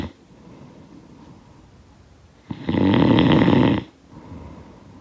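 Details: Snoring sound effect of a sleeper: a single loud, rough snore on breathing in, with quiet breathing before and after; snoring.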